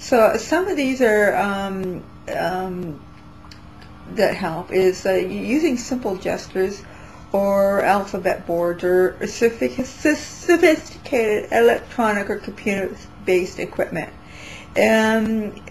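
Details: Adult woman with self-reported intermittent dysarthria that comes and goes, which she attributes to brain/central nervous system damage from prescribed medications; she says her speech is relatively bad during this recording; dysarthria.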